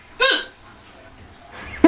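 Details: Child (girl) with recurrent hiccups: a single brief, sharp voiced gulp followed by quiet, then the onset of another; hiccup.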